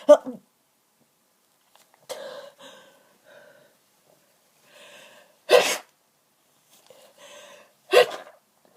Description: Such bad hayfever, I was sneezing and congested for hours. I tried to stifle most of these but a few escaped!